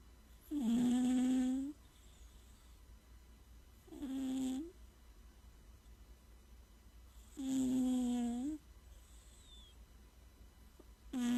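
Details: Cat snoring.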